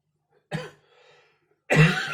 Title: Coughing 20240626 01:47